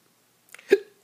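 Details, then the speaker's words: A single sharp, abrupt voiced hiccup in a quiet room. The person reports recurring non-stop hiccups lasting 1–3 days after corticosteroid shots, now after what they think was a steroid given during a head procedure to stop itching. "But I have a reaction that's a little unusual, which is that I get hiccups to corticosteroid shots."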